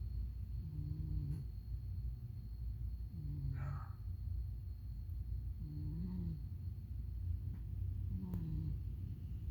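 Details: Sleeping cat snoring like a human: soft, low, regular snores, about 24 breaths a minute, over a steady background hum and other background noise.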